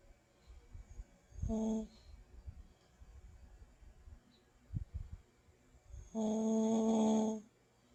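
Two loud, horn-like snores, one short and one long, with quiet breathing between them. Loud tonal snoring during sleep.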